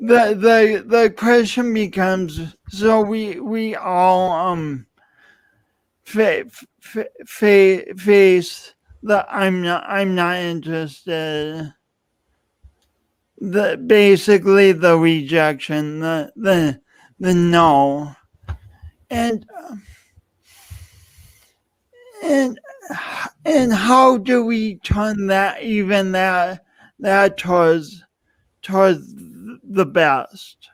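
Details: Speech impediment (dysarthric speech) in an adult man who lost oxygen at birth, lifelong and pronounced, with an unusual gait.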